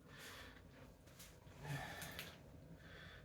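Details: Loud, noisy snorting, gasping breaths in an adult woman with 22q11.2 deletion syndrome during a tonic-clonic seizure with left leg stiffness, lip sucking and jaw deviation, on a 40°C day.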